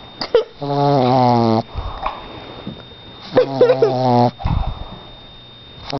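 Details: Boston Terrier snoring "like an old man": two long, loud, buzzing, whistle-like tones on the breath, each about a second, with snorts between and a steady high tone behind.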